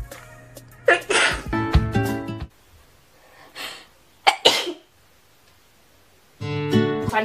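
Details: Girl sneezing: two sharp sneeze bursts around the middle, between stretches of background music.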